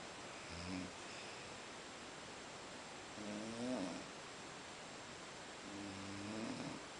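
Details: Soft, low snorting snores about every three seconds over steady background hiss; light snoring in a sleeping animal after a long day out in Boiçucanga.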